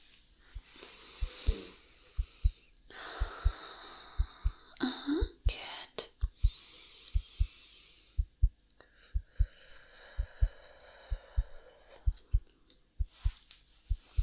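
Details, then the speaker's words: Simulated ASMR roleplay heart exam by stethoscope while breathing normally: steady paired lub-dub heartbeats at about 60/min, normal heart sounds, with soft breathing and whispering over them. "nice strong heartbeat yeah relax just break yes"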